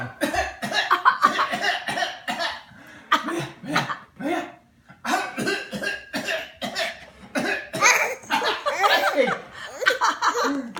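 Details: Child prompted to cough: repeated short coughing bursts mixed with the child's laughter in a small room; playful coughs rather than sick ones.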